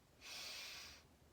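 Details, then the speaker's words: Normal nasal breathing in a 19-year-old woman during a student nurse head-to-toe assessment, sniffing in through each nostril in turn: one smooth steady inhalation, no whistle or obstruction. "so just to test your nose can you cover one side and then breathe in good and then other side"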